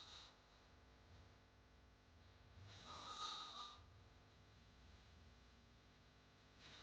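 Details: Snoring sound effect: a single harsh, rattling inhaled hard snore rises and fades between quiet breaths.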